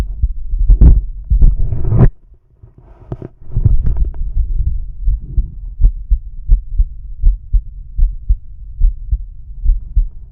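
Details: Normal heart sounds from a male, heard with the stethoscope diaphragm moving from aortic to pulmonic, Erb's point, tricuspid, then mitral/apex: regular low thumps about 80 a minute after some handling rustle at the start.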